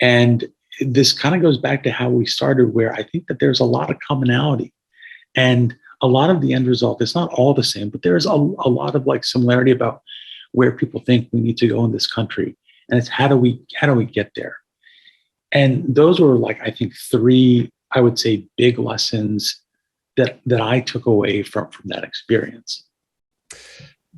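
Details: Adult man with a paralyzed vocal cord after a gunshot injury at age 17 that caused a carotid injury and tracheal rupture, with a tracheostomy tube for about 6 months after discharge; some raspiness; hoarse voice from vocal cord paralysis.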